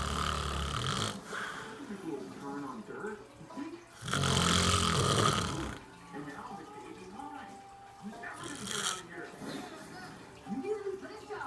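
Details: An adult man snoring: loud, rough snores recur every few seconds, with some quiet talk in the background.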